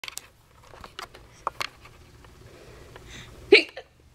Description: First the sneezes were funny, then she moved on to coughing followed by fake coughing. Now apparently the hiccups are really funny.